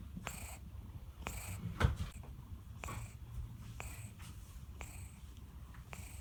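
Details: Snoring from Tin Tin, a sleeping cat.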